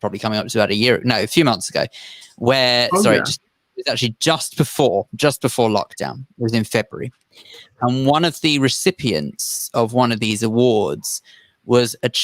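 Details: Adult man speaking; typical speech.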